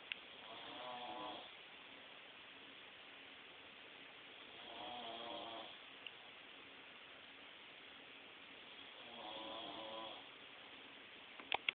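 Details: Snoring in sleep: regular fluttering snores on each inward breath, about 14 a minute, with quiet pauses between.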